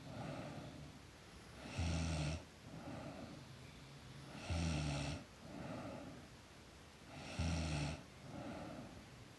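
Regular low, buzzing snores on each breath in, with softer breaths out, about 22 breaths a minute. Steady snoring during sleep.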